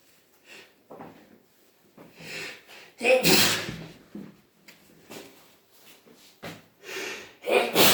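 Several sharp, explosive sneezes in a row with quick breaths between them, two especially loud; a run of repeated sneezing.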